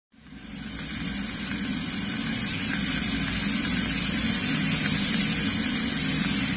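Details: Continuous rising hiss and whine starting abruptly and holding steady, fitting a dental drill with water spray during teeth repair; dental instruments at work.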